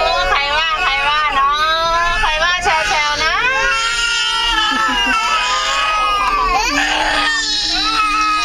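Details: 8-month-old twin infants, tired after play; loud, sustained, wavering crying with sobbing breaks; ordinary crying from tiredness.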